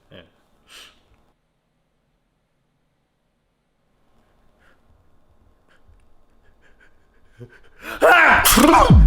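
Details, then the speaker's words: Man sneezing repeatedly, described as a triple sneeze, with the pollen in the air suggested as a possible cause: quiet room, then a loud, forceful, voiced sneeze burst at the end. "what man how many more times you going to sneeze you SI no man I'm good it's probably the pollen in the air or something"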